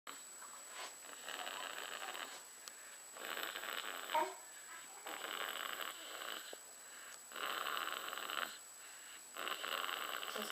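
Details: Rhythmic, noisy, rattly snoring breaths, about 29 a minute, from a sleeping two-month-old boy: infant snoring.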